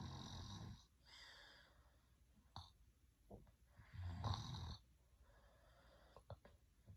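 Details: Soothing adult snoring: deep, rumbling snores on the in-breath, separated by quieter out-breaths, with soft background noise.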